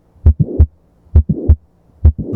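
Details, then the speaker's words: Mitral valve prolapse: regular heartbeat near 67 a minute with a mid-systolic click and a late systolic murmur running up to the second sound. "M valve prolapse. Mrol valve prolapse."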